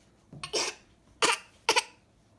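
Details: Infant gives three short, breathy, deliberately put-on cough bursts; voluntary fake cough.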